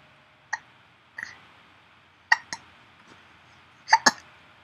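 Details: Baby boy with hiccups: several short, sharp, abrupt bursts at irregular intervals, about six in under five seconds.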